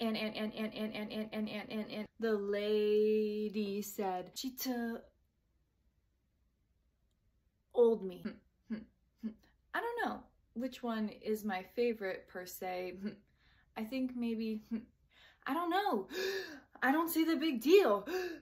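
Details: Example of the word 'and' repeated many times before continuing, given as an illustration of stuttering's core repetition behavior; stuttering-like disfluency (whole-word repetition).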